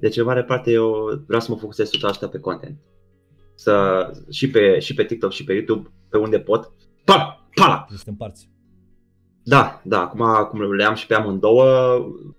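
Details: Young man with Tourette syndrome, a stage comedian, speaking in a Romanian podcast interview with vocal tics such as repeated 'psi' and 'tata tata tata' between words; Tourette syndrome vocal tics.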